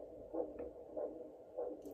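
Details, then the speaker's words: Handheld Doppler over an artery during a tourniquet test with the SOF Tactical Tourniquet Gen 4: rhythmic whooshing arterial pulse, about 95 per minute, still present while the tourniquet is unwound. "confirm still have a pulse let's start whining it's kind of hard with one hand okay never mind it works unwind it oh there's the arterial wood cool okay can confirm that one works as well"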